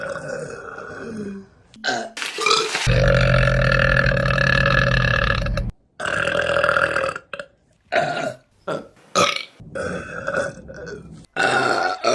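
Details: Women burping in a compilation: a series of loud burps, drawn-out and short, one lasting about three seconds, with brief gaps between; repeated burping.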